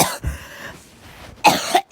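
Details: A girl has a coughing fit while doing her makeup, described as a barking cough: two harsh, forceful coughs separated by a quiet breath; cough.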